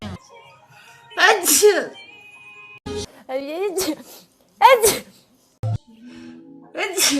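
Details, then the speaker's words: Chinese woman with allergy, nose sore from blowing, possibly for two weeks; she says she is about to sneeze, then gives several forceful wet sneezes amid brief speech over soft background music; sneezing. "我操为什么啊？等一下，我要打喷嚏。"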